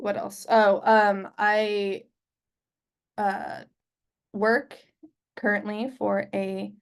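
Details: Adult man who identifies as a person who stutters and is open about his stutter at work; stuttering.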